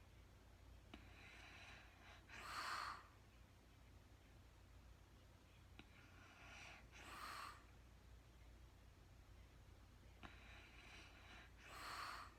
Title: real time sleeping woman snoring no talking REM Anxiety relief return of beauty.